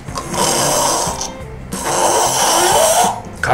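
Two long, harsh snores on breathing in, hissy and strained rather than soft and fluttering, with faint background music; throat snoring.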